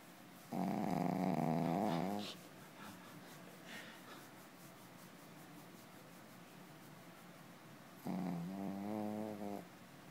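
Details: Loud snoring: two rattling, buzzy snores on breathing in, with a quiet pause between them.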